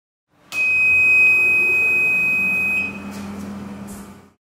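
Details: Oxygen concentrator in home oxygen therapy: a steady high-pitched alarm tone for about two seconds over machine hum, then it stops. The alarm can be triggered by power-supply problems or by the flow being set at 0.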